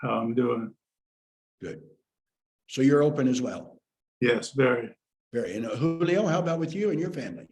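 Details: Adult male speaker; conversational speech.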